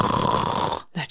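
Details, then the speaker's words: Sleep physician demonstrates a simulated snore: a rough, fluttering rattle from uvula vibration at the back of the throat, then a brief pause. "you can hear hopefully you can hear the vibration at the back of my throat when I make that noise that's what snoring is"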